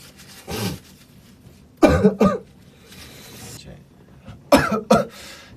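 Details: An SF9 singer coughing while talking: several short, sharp, dry-sounding cough bursts, some in quick pairs, with faint room noise between them.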